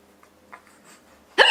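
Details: Mother with hiccups, after bathtime with her 4-month-old daughter: a quiet moment ending in one abrupt, loud hiccup.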